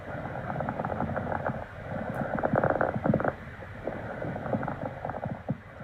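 Soft, rustling breath noise swelling and fading through the breaths: normal vesicular breath sounds.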